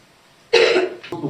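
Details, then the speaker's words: One sudden, forceful cough followed by a short throaty clearing sound in a quiet courtroom, from a trial judge who came down with a pretty bad cough. "I came down with a pretty bad cough between yesterday and today. It's making this a little challenging. I apologize."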